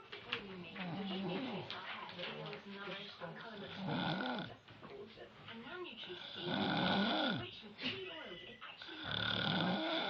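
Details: A sleeping woman who claims she doesn't snore: irregular, rough rattling snores with fluttering inward breaths, about 20 a minute; ordinary snoring.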